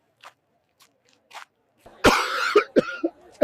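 An adult's acted cough: a sharp burst followed by a few shorter hacking coughs.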